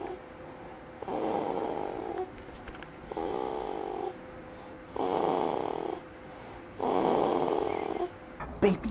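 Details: A baby rocked to sleep after a very unsettled day, in a dark quiet room, makes soft, regular snores with a mewing, cat-like quality, about 30 breaths a minute; infant snoring.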